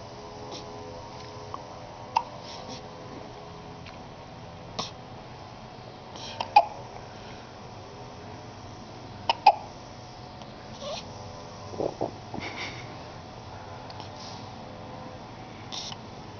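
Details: Newborn girl a few days old: brief, sharp, irregular hiccups, about a handful over sixteen seconds, over quiet room noise with faint tonal background sound; hiccups.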